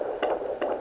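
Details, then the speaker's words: Fetal heartbeat at 18 weeks 3 days of pregnancy on a Sonoline home fetal Doppler: quick strong whooshing pulses, fast rate read as 165 then 151 beats per minute. "okay there it is I hear the heartbeat 165 151 so it's definitely really fast sounds so strong and and it just sounds amazing"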